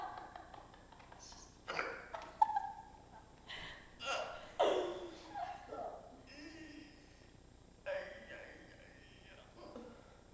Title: hiccups x)